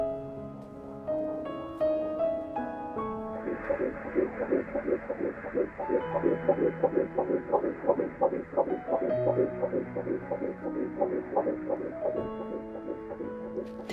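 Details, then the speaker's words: Fetal heartbeat on ultrasound in a TV drama scene, pregnancy about two weeks short of 10 weeks: rapid rhythmic whooshing pulses about 170 a minute under soft music; baby said to be healthy and growing well. "He's very healthy He's growing well I'll let you listen to the baby's heartbeat"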